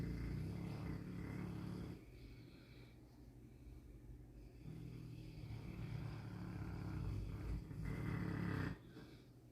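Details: Boerboel dog born with a larger-than-average tongue, which makes it a heavy snorer: loud, deep rumbling snores in long stretches with a rattling, snorting quality during sleep breathing.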